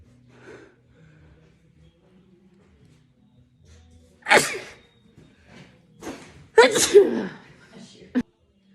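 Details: After a quiet stretch, a few sharp sneezes in quick succession, each with a brief intake of breath, over low room noise, from a person in a compilation of rapid sneezes; sneezing.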